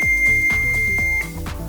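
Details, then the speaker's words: Automated external defibrillator (AED) switched on after opening its case during a CPR training demonstration: steady high electronic power-on tone over background music. "제품에 따라서 조금씩 다르긴 하지만 이렇게 케이스를 열고 전원을 켜면"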